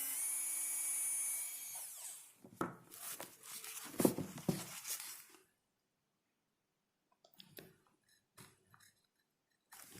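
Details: Simulated preparation of mandibular first molar (FDI #36) on a typodont for full veneer crown: high-speed handpiece whine then scraping and tapping, cutting ~1 mm lingual cusp depth orientation grooves.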